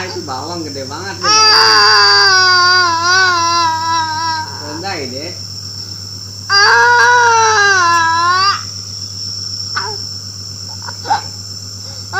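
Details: A young child cries loudly in two long, drawn-out bouts of wailing over a steady machine hum, while ill with cough, flu and dengue fever.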